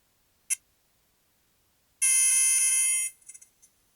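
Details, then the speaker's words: Electro-acupuncture point detector: brief click, then a steady high beep about one second, reading above 500, confirming correct needle placement, in a patient with L3–S1 disc bulges; needles placed at the vertebrae. "ఆ sound beep వింటున్నారు కదా అది 500 above చూపిస్తుంది అది అంటే అది correct point అన్నమాటఎ6 లోనే correct గా అది ప్లేస్ చేసామని మనకు అర్థం అవుతుంది అన్నమాట"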